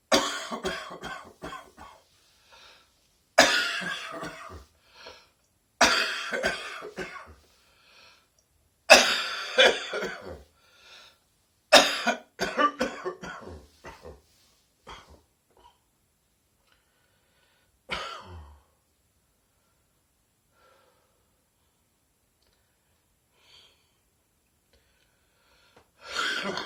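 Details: Adult chesty (productive) morning cough: repeated harsh, rattly coughing bouts, typical of a mucus-producing cough.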